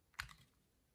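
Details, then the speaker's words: Arthrex FiberStitch all-suture meniscal repair on a model: after the needle passes through the posterior capsule, the wheel is rotated back and then forward to a single soft, sharp second click, showing two bars as the suture is deployed. "we feel a second click and you can tell that it's deployed with the two bars here"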